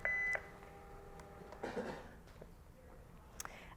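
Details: A short electronic beep, then quiet room sounds and faint handling noise: a defibrillator's alert tone during a veterinary CPR training demonstration of defibrillator use.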